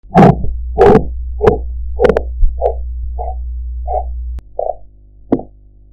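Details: Korotkoff sounds in a blood pressure practice recording with audio enhancement, heard alongside a sphygmomanometer gauge; listeners are asked to tell real blood pressure sounds from background noise.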